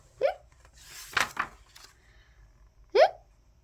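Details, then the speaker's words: Acted hiccups in a read-aloud children's story: two voiced, rising 'hic' sounds about three seconds apart with a short rustle between; imitated hiccups. "they had a drink said Kipper he had hiccups quick get a cup cup of water said Lee did that get rid of the hiccups said Lee hick said ker"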